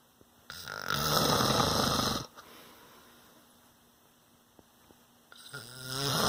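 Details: Adult man (a father) snoring in sleep: two loud, rough snores on breathing in, with a quiet pause between them; ordinary heavy snoring.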